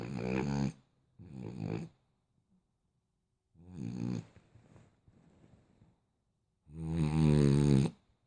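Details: Four loud, low, rattling snores with quiet gaps between them from a sleeping dog: ordinary snoring.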